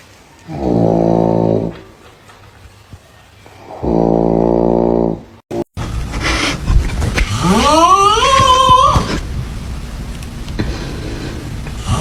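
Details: Two loud, buzzing snores, then a sudden cut to a noisier segment with a rising, squeaky whine; snoring in a compilation.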